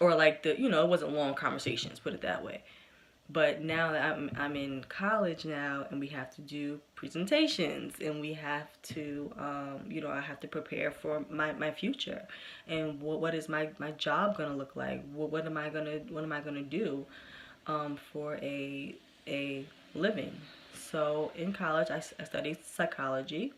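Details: Adult woman who has stuttered since early childhood, persisting today with good and bad days; stuttering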